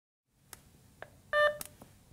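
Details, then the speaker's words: Faint clicks, then a short electronic beep as a Nonin RespSense capnograph monitor powers on via its on/off button, before its brief self-test. "turn on the r monitor by pressing the onoff button in the upper right corner until you hear a"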